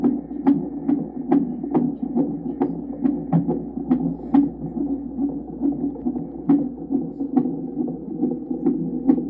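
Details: Fetal heartbeat on Doppler in a pregnant mother's abdomen: fast whooshing pulses over a steady hum, about 140 a minute.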